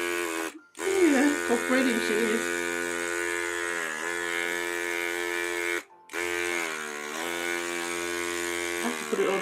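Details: Steady buzzing motor hum of a battery-operated NeilMed electric nasal aspirator used on a seated baby girl almost one year old after saline spray, interrupted twice, with faint voices; loud, strong suction.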